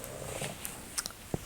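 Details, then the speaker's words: Old dog, tired after a morning outside, snoring while asleep: low, steady, motor-like rumble with a few faint clicks in a quiet room. "I'm sorry if my snoring dog bothers you but he's an old fellow and we've been outside all morning and so he's a bit tired"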